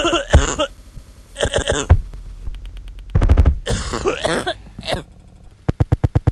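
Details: An adult smoker coughing: several harsh coughing bouts linked to smoking.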